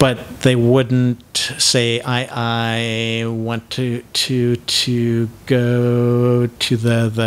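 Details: Adult man deliberately demonstrating the repetitions typical of cluttering, cluttering (imitated repetitions).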